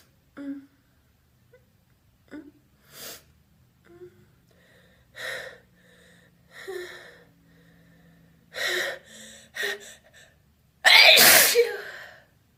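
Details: Loud, wet, open, voiced sneeze preceded by several catching, gasping breaths; an ordinary sneeze.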